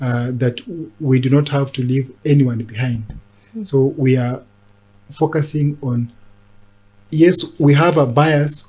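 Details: Adult man who stammers since childhood and was mimicked at school for it, now a disability advocate who links stammering with mental health challenges; stuttering.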